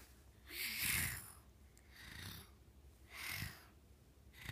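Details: Soft, airy, hissing snores with a faint snort, about three breaths in four seconds: light snoring.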